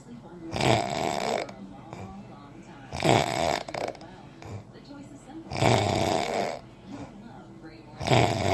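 Loud rough rattling snores on each breath in, four in about eight seconds, with quiet breathing between: snoring.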